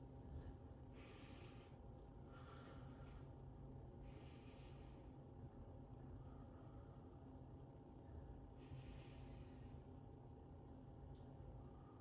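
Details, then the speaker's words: A presenter takes a couple of breaths into a disposable capnography piece on a ZOLL X Series monitor, producing flat plateaued waveforms; soft airy breaths over a steady low mechanical hum. Normal breathing. "so you hit the co2 button plug in your disposable piece I'll take a couple breaths here you can see"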